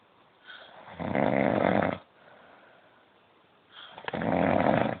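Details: Father recorded while sleeping: loud, rough, rattling snores on each breath in, with quieter breaths out between, about 24 breaths a minute.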